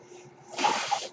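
A soft, breathy hiss of air swells and fades over about half a second, one mechanical ventilator breath delivered between phrases.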